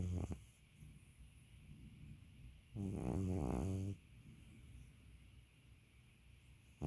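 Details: An old man snoring: a low, rattling snore on one breath in, between quieter breaths, with a steady background hum.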